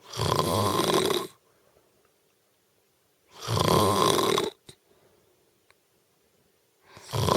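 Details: Adult woman snoring in sleep: loud, rattling snores about a second long, repeating roughly every three and a half seconds (about 17 a minute), with quiet breathing between.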